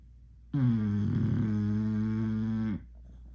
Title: English Bulldog snoring (Con chó ngáy)